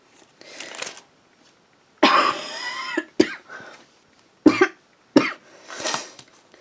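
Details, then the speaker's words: Several separate harsh, throat-clearing coughs with short pauses between them, from an adult woman ill with a cold. "Ugh. So full of cold. This is like the most annoying thing in the world."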